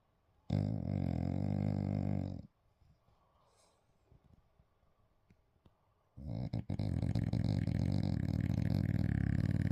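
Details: A sleeping dog gives two loud, low, rattling snores separated by a quiet pause; it is also said to be talking in its sleep.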